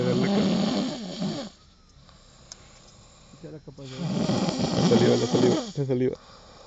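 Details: Man asleep after drinking too much agave liquor: loud, rough, fluttering snores on the in-breath, separated by a quiet pause and a few short snorts; heavy snoring.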